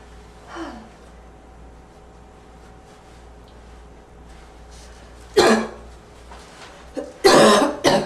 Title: Slight wheezy barking cough